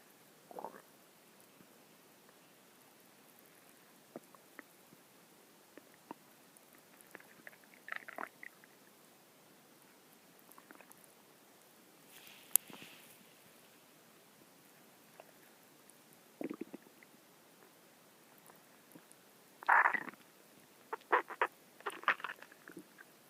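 Irregular gurgling and squelching bursts from an adult's stomach, ordinary growling of gas and fluid moving through the gut.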